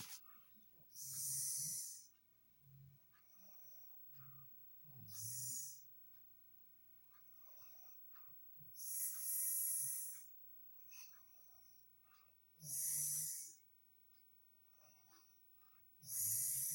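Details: Unusually unique snoring during sleep: loud hissing, whistling breaths alternating with soft low snorts, several cycles, about 17 a minute.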